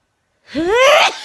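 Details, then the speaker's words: Single adult sneeze, early one caught on camera on a warm night: rising voiced intake followed by a sharp, noisy burst. "Well, I felt a sneeze coming on and got my camera in time. But I think it was just a short one."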